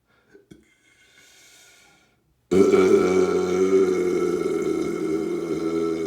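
Faint small sounds, then one long, loud, sustained belch lasting several seconds; voluntary belching.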